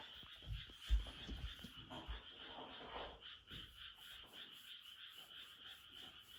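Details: Doberman dog having a reverse sneezing episode: rapid, harsh snorting breaths drawn in through the nose, loud at first then fading as the owner asks if it has stopped.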